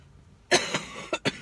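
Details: Adult recovering from bronchitis, lingering cough while eating sushi: a short run of four harsh coughs within a second, the first loudest.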